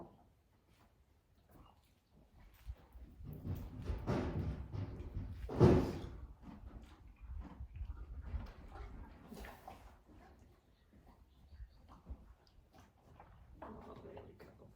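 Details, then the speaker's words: Horse relaxing during cold laser treatment for back pain, resting a hind leg, breathing slower and deeper; low, irregular gurgling and rumbling with louder creaky swells; normal belly gurgling (borborygmi). "Can you hear her belly gurgling too?"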